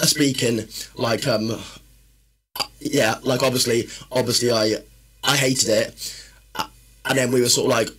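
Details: Adult man, a personal trainer and former army medic, with a stammer since childhood that worsens when he is tired, stressed or nervous: stuttering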